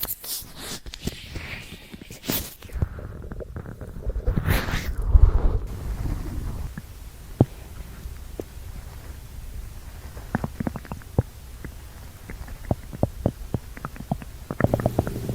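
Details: Low gurgling and rumbling from the abdomen, then scattered clicks and pops, after drinking prune juice and eating dried fruit, with diarrhea and farts: active bowel sounds (borborygmi).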